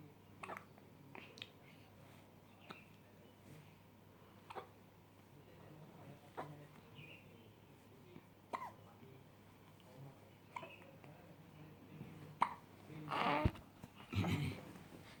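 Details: Baby hiccups: soft, brief catching sounds recurring every couple of seconds in a quiet room.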